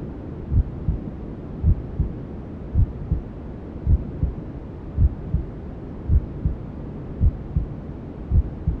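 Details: Newborn sleep-aid womb sounds: muffled, steady double thumps at about 54 beats a minute under constant low rushing white noise, a mother's heartbeat and belly sounds as heard from the womb.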